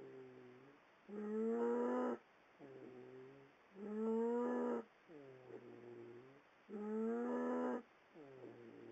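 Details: Loud, whiny, tonal snores on each breath alternating with softer squeaky exhales, about 22 breaths a minute, likened to a baby pterodactyl crying; snoring in a sleeping pet lying in a bed.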